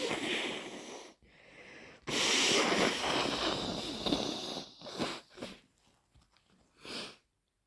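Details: Powerful induced sneeze in a person who is not sick: a long, noisy, forceful sneeze burst followed by sniffs and short nose-blowing puffs.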